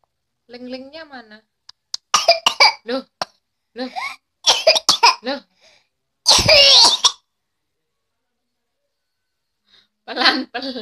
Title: Batuk "SYANTIK" ala bayi